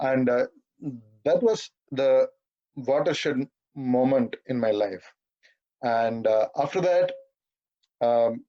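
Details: 42-year-old man who has stammered all his life, speaking at a stammering association webinar; stuttering.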